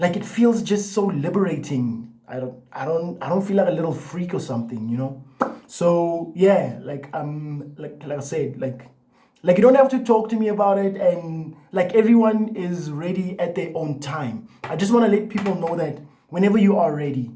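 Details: Adult man who has stuttered all his life, in therapy for about a year and a half and attending a support group; stuttering with restarted self-introductions.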